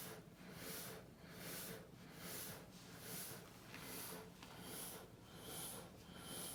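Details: ResMed AirCurve ST bilevel positive airway pressure (BiPAP) machine giving non-invasive ventilation: rhythmic hissing airflow rises and falls repeatedly as inhalation and exhalation pressures cycle.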